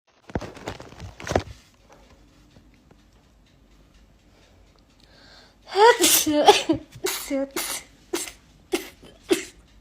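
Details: A quick sneeze, short pause, then a rapid run of about six sharp sneezes in a row; rapid sneezing from a compilation.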